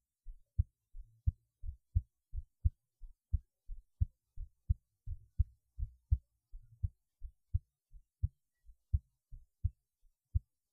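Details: Normal heartbeat recorded while lying on the left side: steady low paired thumps at about 87 beats a minute, regular rhythm.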